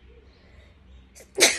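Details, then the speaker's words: Woman doing a sneezing challenge, after deliberately inhaling a lot of strong powder through one nostril: a quiet intake of breath, then one loud, explosive sneeze. "काफी strong है बहुत सारा powder सीधा एकदम इस वाले नाक से अंदर गया है"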